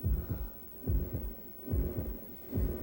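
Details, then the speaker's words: Simulated normal heartbeat in a 1993 Red Cross CPR training film: regular paired lub-dub thumps at about 70 beats a minute, a normal rate and rhythm. "The heart is the central organ of the cardiovascular system. It moves blood throughout the body through a huge network of blood vessels."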